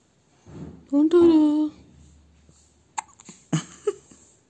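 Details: Hiccups in a one-week-old baby: a brief infant vocal sound, then a few short, abrupt catches about half a second apart.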